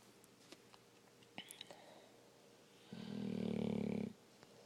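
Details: Dog's fake snoring, a long-standing habit: one rattling, buzzy snore-like noise lasting about a second, made deliberately while awake rather than in sleep.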